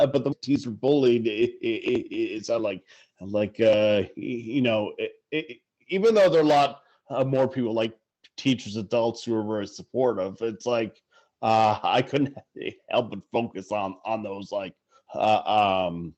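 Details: Adult man who stutters; stuttering.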